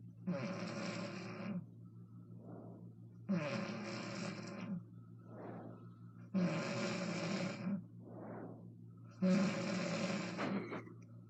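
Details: Adult woman (mother) snoring: loud harsh snores on each in-breath with softer out-breaths, about five breaths a minute over this stretch.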